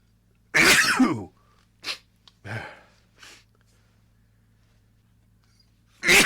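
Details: Allergy-related sneezing fit: a loud sneeze, then a few smaller sneezes and snorts, and another loud sneeze at the end; repeated sneezes.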